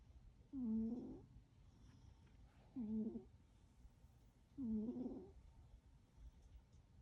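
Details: Sleeping cat snoring: three soft, slightly whistling snores about two seconds apart, roughly 27 a minute, over quiet room hiss.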